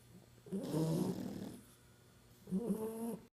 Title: Snoring Puppies